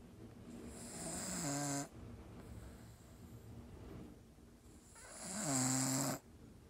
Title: Staffy snoring video 6